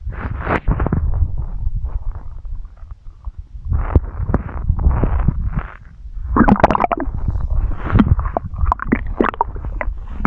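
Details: Ordinary stomach growling (borborygmi): low rumbling and bubbling gurgles in irregular bursts, with squelchy higher gurgles toward the end.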